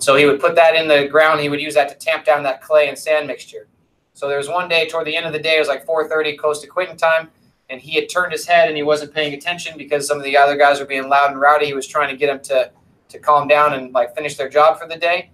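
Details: Adult male lecturer; normal speech.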